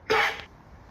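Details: A single short, harsh cough from a calf with pneumonia, with quiet barn noise after.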